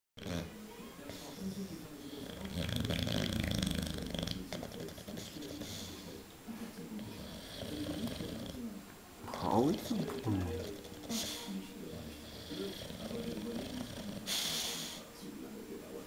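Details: Sleeping animal snoring: low, rattling breathing sounds with repeated snores of a purring quality over background noise.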